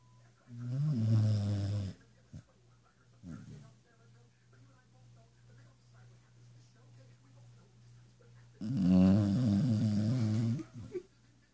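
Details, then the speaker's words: Dog snoring loudly over the TV and keeping a house-sitter awake, snore gradually getting louder: two long, loud, deep rattling snores with quieter breathing between, over steady room hum; snoring. "and his dog has been keeping me up for snoring this is the evidence and we're gonna get a cute closer look"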